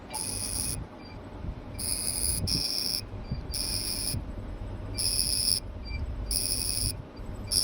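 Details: Fractional CO2 laser firing during real-patient acne scar treatment, on a later pass around scar edges: repeated high buzzing bursts under a second long, about six in seven seconds, over room noise.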